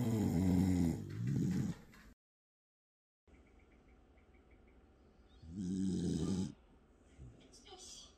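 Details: Bedlington Terrier dog snoring, unusually heavy that day, perhaps after a tiring day: loud, low, fluttering breath sounds recurring every few seconds over a quiet room hum.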